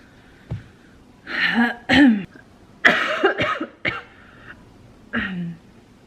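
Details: An adult woman who tested positive for COVID-19 gives a run of about six short, harsh coughs in quick bursts with no wet rattle, quiet room noise between: a dry, unproductive cough.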